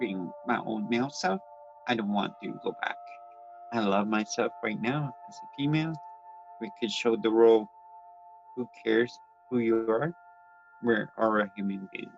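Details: Speech impairment in an adult transgender woman born with cerebral palsy (congenital), who also reports grammar difficulties and has attended learning-disability support programs.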